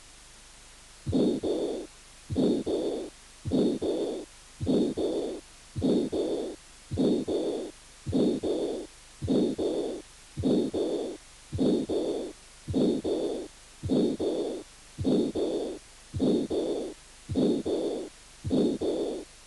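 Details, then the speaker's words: Pericarditis: scratchy, grating pericardial friction rub at about 52 a minute, with presystolic, protosystolic and protodiastolic components. "pericarditis con componentes de roce pre histórico proto histórico y proto diastólico"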